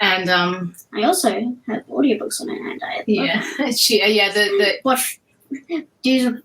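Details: Woman, the host's eldest daughter, with cluttering that has resurfaced with a vengeance, alongside autism, ADHD and dyspraxia; very fast speech with pauses in unusual spots, sometimes garbled; cluttering.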